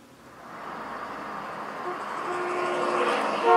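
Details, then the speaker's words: Simulated steeply sloping mild hearing loss in the Starkey HLS hearing loss simulator app: a passing car sounds dull and muffled, its higher tones cut away. "go back to audiograms and let's go for a different kind of hearing loss steeply sloping mild now press that tap out and you can see the graph here shows you from high frequency to low frequency what it sounds like"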